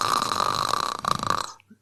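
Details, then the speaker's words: One imitated snore, a rough, rattling vibration of about a second and a half, demonstrating uvula vibration from partial airway obstruction, explained in a talk on sleep apnea: imitated snoring. "So that I hope you can hear that vibration at the back of the throat. That is the uvula vibrating and that is what causes snoring."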